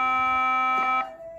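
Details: A steady electronic tone that changes pitch near the end from a Nihon Kohden Cardiolife defibrillator in manual mode, charged after energy selection and then discharged in a demonstration; charge-ready tone.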